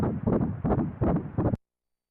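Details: Fetal heartbeat on ultrasound at 11 weeks 6 days of pregnancy: rapid rhythmic whooshing pulses described as sounding like horse hooves; the fetus was reported female by the nub angle method.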